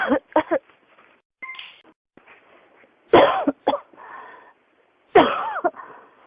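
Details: Persistent, uncontrollable cough in repeated harsh coughs in three paired bouts, labelled with pneumonia.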